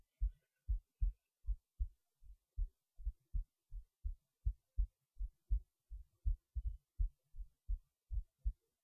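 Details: Heartbeat recorded late at night while resting in bed before sleep: steady low thumps at about 80 beats a minute, slightly uneven spacing; normal resting heartbeat.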